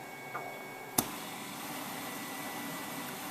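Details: BiPAP machine running during an afternoon nap at home.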